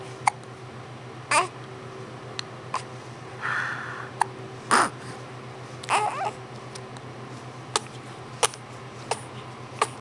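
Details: Person sitting up, wearing a hoodie, with hiccups: short, sharp catches repeating at uneven gaps over a low room hum.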